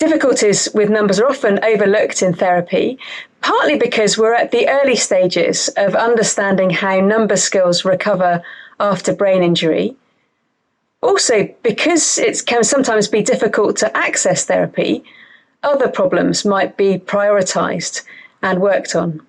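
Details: Adult woman; normal speech.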